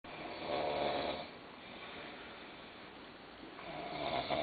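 Rough, buzzing breath noise swells, fades, then rises again, a snore heard over a muffled low-quality recording.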